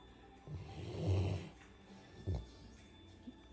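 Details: A sleeping 100-pound Labrador dog lying on its owner as a pillow: a low rumbling snore on one breath, then a brief snort, with a faint steady background tone.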